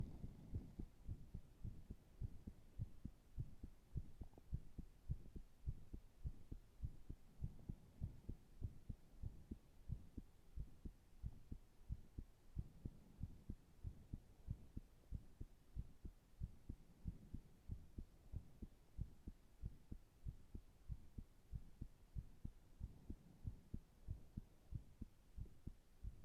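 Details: Normal heart sounds at rest: steady low thumping heartbeat at a calm resting pace.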